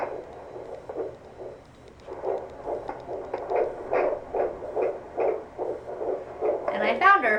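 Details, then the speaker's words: Fetal heart tones on home fetal Doppler (Mediana F10), pregnant mother sitting: rapid, regular whooshing pulses at 143 beats per minute, with a thump as the baby moves. "first try so she doesn't like me putting a lot of pressure on her but she's at 143 beats per minute so that's pretty cool"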